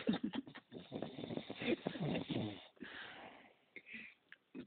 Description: Aprecien, admiren en toda su magnitud como roncan los hombres de verdad !!